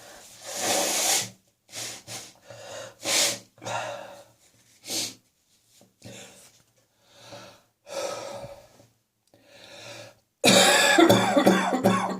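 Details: Evening coughing and spitting after coming into a warm house from cold outside air, cough slowly resolving: repeated harsh, breathy cough and throat-clearing bursts with noisy breaths; productive cough.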